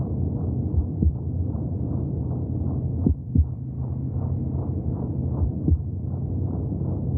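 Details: Fast, steady whooshing pulses under a muffled low rumble, with occasional louder thumps: fetal heartbeat heard from inside the womb.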